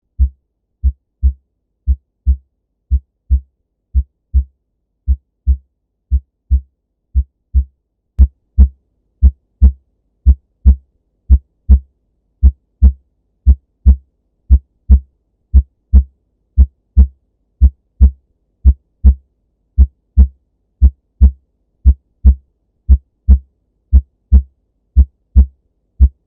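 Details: Normal heart sounds: regular lub-dub around 60 beats per minute, clean S1 and S2 heard throughout the precordium with no rubs, gallops or murmurs.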